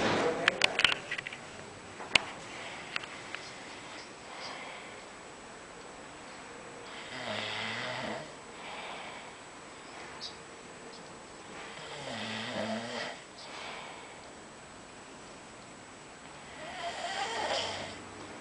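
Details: Loud, rough snores about every five seconds from a sleeping man, with quieter breathing between and a few clicks at the start: snoring.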